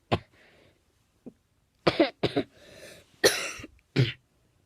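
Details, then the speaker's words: About five harsh coughs in short bursts with breaths between, from a person filming their own repeated coughing and complaining afterward of a sore throat: repeated coughing. "So, for about 5 minutes here, you're just gonna watch me cough my freaking lungs out like crazy. So, yeah. So now we wait. Here's another."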